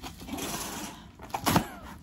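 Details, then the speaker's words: Dog, said to be allergic to humidity, after a walk on a humid day: brief snort then a sharp, forceful burst of air, a long sneeze over rustling room noise. "know if you could hear that but that was a really long sneeze are you she's allergic to humidity"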